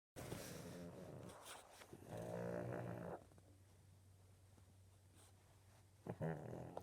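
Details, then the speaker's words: Flat-nosed dog snoring with low, rumbling, buzzy, fluttering breaths and pauses between them. "Why do you snore? You have a flat nose, I know that, but stinky. Rudy, please stop snoring."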